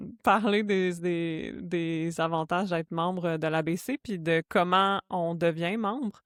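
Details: Adult woman who stutters, a speech-language pathologist and doctoral candidate in speech-language pathology; stuttering.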